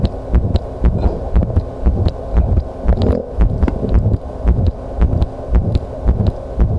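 Regular low thumping heartbeat recorded against the chest, with faint clicking handling noise.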